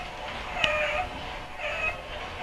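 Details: Expiratory wheeze with expiratory dyspnea in a child who had obstructive bronchitis and later, over years of follow-up, developed bronchial asthma.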